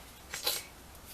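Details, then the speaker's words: A single short, muffled sneeze from an adult with a bad head cold and congestion: a brief hissing burst with a sharper peak in a quiet room. "i have gotten a horrible head cold and i'm gonna try to finish this up don't have a cough and i've been sneezing and been very congested"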